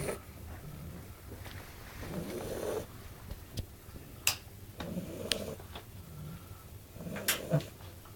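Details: A bulldog snoring: soft, snorting snores on inhalation about every 2.5 seconds, roughly 24 breaths a minute, with occasional clicks and snuffles.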